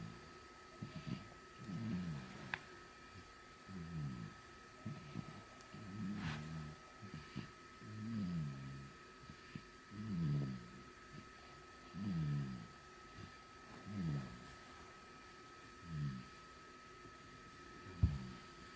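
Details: Three-month-old baby boy, born November 2018, snoring during sleep: soft, low snores recurring with each breath at about 30 per minute.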